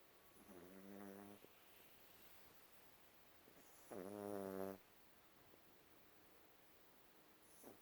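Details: Two drawn-out, buzzy snoring breaths, the second louder, with quiet pauses between, over low room noise.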